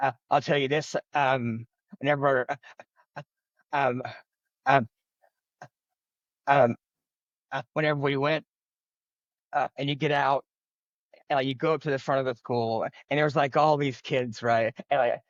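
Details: Adult man who has stuttered since childhood and says he struggles with it every day, speaking spontaneously in an interview; stuttering.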